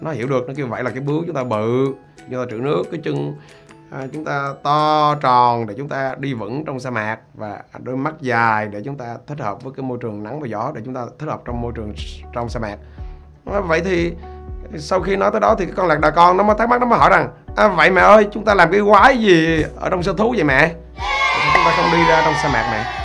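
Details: Stuttering in an adult male who says he stutters; he reports it once made him lack confidence and barred him from applying to a teacher-training university.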